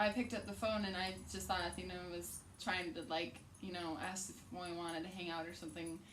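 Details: Young woman speaking; Normal speech.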